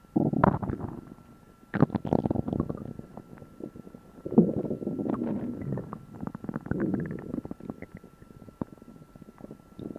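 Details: Borborygmi: loud, irregular gurgling and rumbling abdominal noises in bursts, recorded after eating a meal for the first time in a while.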